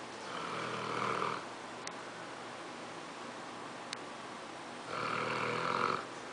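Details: English Mastiff snoring while sleeping in a funny position.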